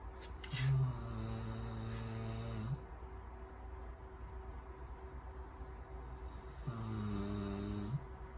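Two long, low, buzzing snores several seconds apart, with a quiet steady hum in the room between them.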